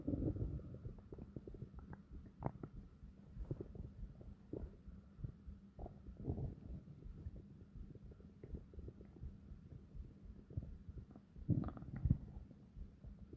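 Long, deep, quiet gurgling and rumbling from the belly over a low steady hum; ordinary stomach growling.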